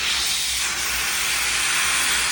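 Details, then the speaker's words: Loud, steady airy hiss of high-volume dental suction held in the left hand during a demonstration of suctioning and retraction, triplex syringe in the right; dental suction running. "They can also use the triplex to hold the tongue down if the tongue is particularly difficult."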